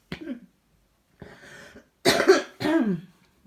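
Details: Woman with a cold: a short throat-clearing, a breathy sound, then two loud harsh coughs in a row.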